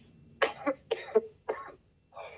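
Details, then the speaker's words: Adult's lingering cough that was dry, improved, then turned dry again; now four short bursts, some wet and rattling like a productive cough, others dry and harsh, described as exhausting. "y ahora como que estoy entre que algunos momentos suena como a tos productiva y otros está como que seca, muy desgastante."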